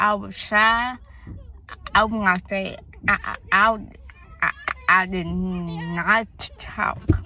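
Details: Young woman whose speech impediment began around third grade with hearing loss (deafness); she had speech therapy at school, doctors found no cause, and she suspects premature birth: speech impediment.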